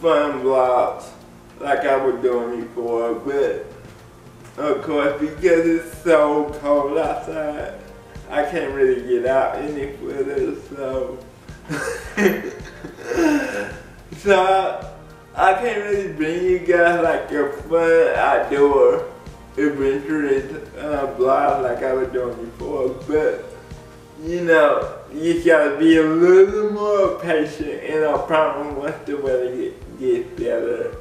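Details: Adult man with cerebral palsy speaking in a video blog; dysarthric speech in cerebral palsy.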